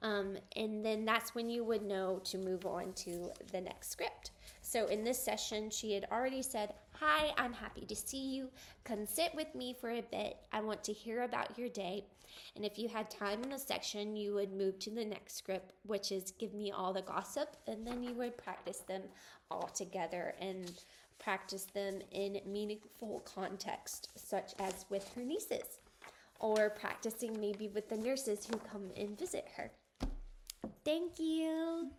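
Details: Adult woman; typical speech.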